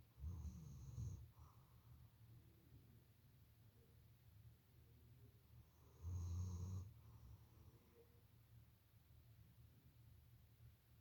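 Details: Snoring from a female German Shepherd dog in deep sleep: deep rumbling snores, two loud breaths about five seconds apart with quieter breathing between.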